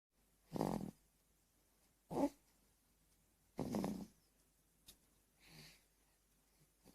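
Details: Four-month-old baby girl snoring lightly: short, soft snorting breaths in a quiet room, about four in seven seconds.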